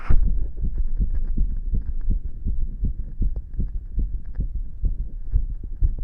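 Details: Long recording of a boy's rapid heartbeat, felt and visibly pounding in his chest: fast, regular low thumps, roughly two beats a second, with a steady hum behind them.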